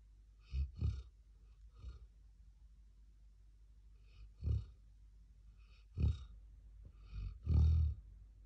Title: 13 Month Old Black Lab Snoring Away